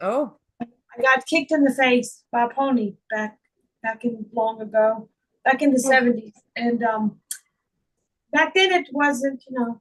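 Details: Adult woman with foreign accent syndrome that began on waking from a migraine in 2021, diagnosed by a speech therapist; she also reports slurred speech and functional neurological disorder.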